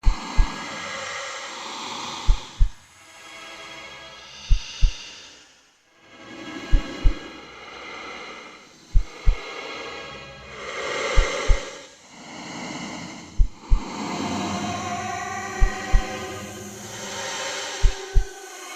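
Slow paired heart thumps, about 27 a minute, with swelling whooshing noise between beats.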